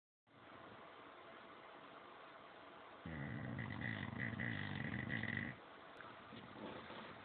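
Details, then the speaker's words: Sleeping English Bulldog stud male snoring: a single long, rough, vibrating snore over steady background noise, typical of flat-faced dog breathing in sleep. "spot spot buddy oh buddy you were snoring you weren't oh buddy"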